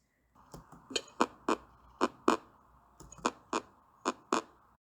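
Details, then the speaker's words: Normal heart sounds S1 and S2: paired, sharp lub-dub beats repeating steadily, produced by closure of the heart valves. "did you guys hear that yes it's lucked up exactly and this sound is because of the closure of heart wells"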